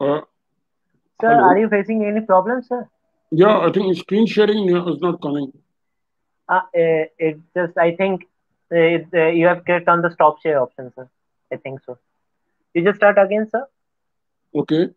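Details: Adult speakers on an online call; typical speech.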